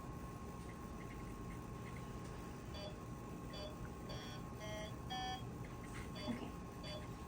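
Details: Surgery on an intubated patient with an esophageal stethoscope wired to the monitor: short electronic beeps, one with each heartbeat, over steady room hum.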